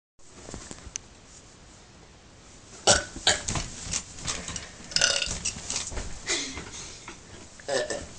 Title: burping again